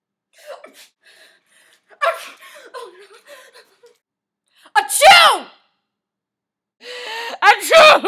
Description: Me and my amazing acting/fake sneezing skills